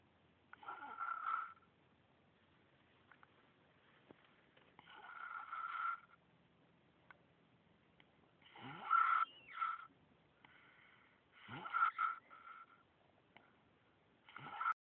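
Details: Snoring: irregular snores with a high whistling, honking quality, about five in fifteen seconds, in a quiet room.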